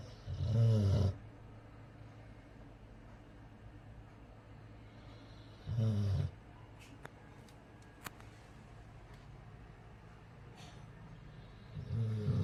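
Deep, low rumbling snores at irregular intervals, about 12 a minute, with faint clicks between: dog snoring.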